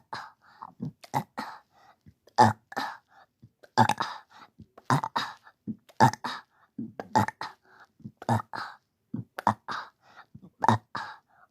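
Short, harsh guttural bursts repeating about 53 times a minute, in irregular pairs; repeated throat clearing or small belch-like sounds.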